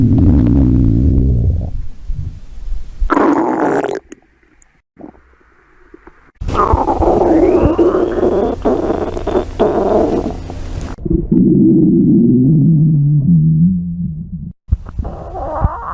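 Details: Loud, long, low rumbling and groaning gurgles with a few quiet breaks; ordinary stomach growling (bowel sounds) recorded from a woman's belly.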